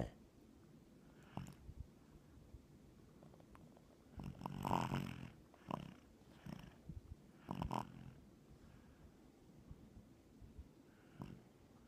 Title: Snoring baby